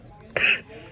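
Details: Cough from a girl with autism while she eats her favorite chicken bowl; cough.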